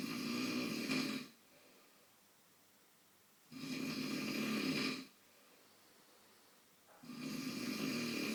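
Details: Father snoring during sleep: loud, rough snores on each breath in, about 17 a minute, with quiet pauses between.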